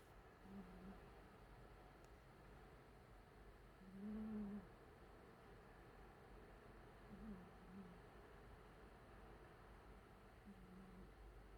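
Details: Cat in deep sleep snoring softly and low, about one snore every three seconds.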